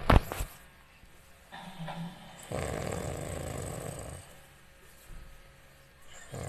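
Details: Person snoring: snoring sounds.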